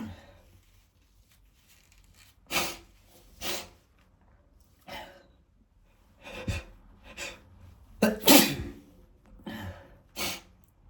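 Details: Male filmed at a camera angle chosen to show sneeze spray: a series of about eight sharp, explosive sneezes, some in quick pairs, with short breaths between, in a small room.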